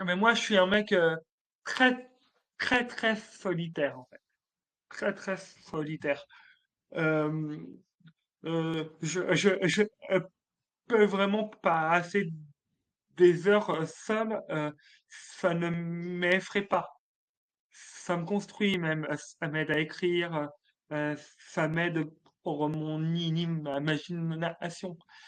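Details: Adult male French comedian with stuttering since childhood, detected at age 4, which he calls a speech disorder and part of his identity; stuttering.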